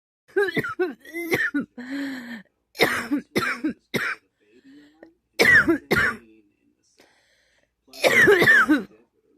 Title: man this awful cough . excuse me pardon me